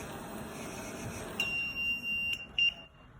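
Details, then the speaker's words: LTV 1200 transport ventilator alarm: a steady high-pitched tone with short sharp beeps sounding as the ventilator is switched off. "now I'm gonna turn it off and I want to show you what happens"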